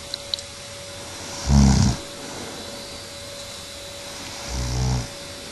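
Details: Adult woman (the speaker's wife, who claims she doesn't snore) snoring during sleep, recorded 2008: two low, rattling snores about three seconds apart over a steady room hum.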